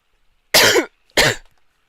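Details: Two short, harsh coughs in a quiet room from an adult who reports catching a flu or something; cough.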